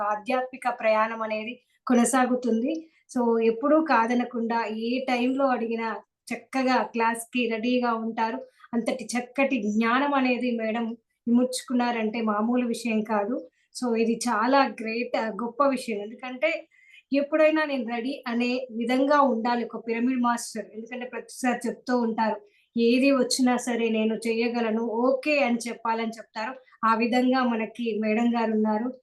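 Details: Adult woman speaking; normal voice.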